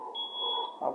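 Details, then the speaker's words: Zoll mechanical ventilator during a training session: the respiratory rate is set high, above the alarm limit, giving a sustained high electronic alarm tone over room hum; ventilator high respiratory rate alarm. "queremos trabajar la frecuencia alta tenemos que poner el límite en el límite de la alarma está por encima para poder para que no nos vaya a negar la larga"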